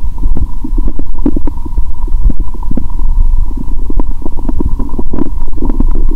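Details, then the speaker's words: Loud, continuous gurgling and bubbling through a stethoscope on the abdomen with steady hum, after eating many Mentos with cola; bloated, swelling, painful belly; very active bowel sounds. "Tôi đã ăn rất nhiều Mentos, vì vậy tôi có thể nghe thấy tiếng bong bóng trong dạ dày của tôi! !! .. Tôi nghĩ bụng tôi ngày càng sưng lên 😵 😂 !."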